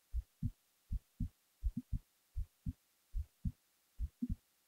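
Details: Heartbeat recorded while the person was falling asleep: clear, steady paired low thumps at about 75 beats a minute; ordinary resting heartbeat.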